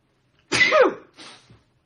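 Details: Man trying not to sneeze during a live stream, then a single explosive sneeze with a falling voiced burst and a softer breathy exhalation; he attributes sneezing to dust, not illness.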